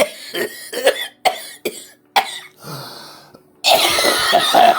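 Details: A series of harsh, wet-sounding coughs, about six bursts. Cough with tuberculous cavitation (breakdown) of the lung.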